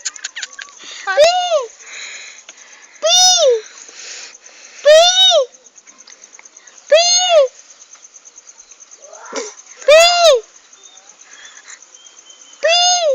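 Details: 8-month-old infant from Brebes, Central Java, giving five or six short, voiced, high-pitched coughs a couple of seconds apart over quiet background; infant cough.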